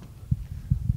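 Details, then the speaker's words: Imitated heart sounds: crisp, loud first sound and a muffled second (dub) sound, explained as pointing to damaged semilunar valves; muffled second heart sound. "because notice the first sound the love was nice and loud and sharp and crisp but it was the dub sound that was more muffled"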